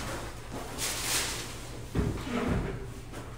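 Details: A soft rustle, then a sudden thump with a brief creak as a woman treated by a chiropractor for a pinched neck nerve and lower back tightness gets a lower back adjustment: joint cavitation from spinal manipulation.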